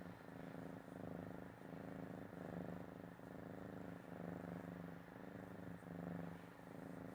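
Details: Cat snoring: a soft, fluttering rumble rising and falling with each breath, about 35 a minute.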